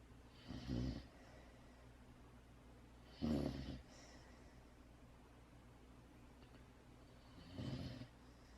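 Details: Sleeping puppy in a quiet room: three soft snoring breaths, about one every three to four seconds; ordinary sleep snoring.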